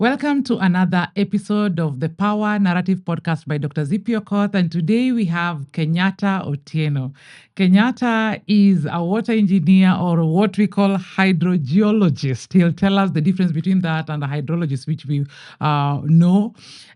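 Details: Adult woman speaking; typical speech.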